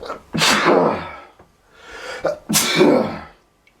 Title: PAINFUL HEADACHE INDUCING SNEEZES MAD AND NON STOP!!!!!!